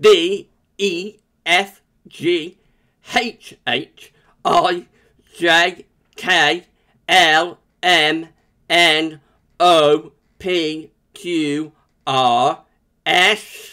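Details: Adult man one week after partial glossectomy removing a small cancer from the right side of the tongue, with selective neck dissection; tongue still swollen and stitched; reciting the alphabet, with 's' particularly difficult and 'x' and 'z' affected; articulation disorder after partial glossectomy.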